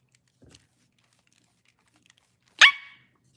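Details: Young woman with Tourette syndrome on a livestream: a faint sound, then a single sudden, short, high-pitched bark-like yelp; her barks are always high-pitched. Barking vocal tic.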